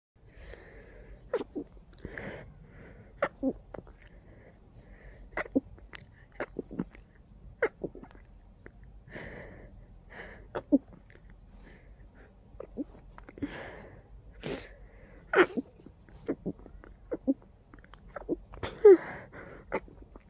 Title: Very muffled sneezing fit 🤧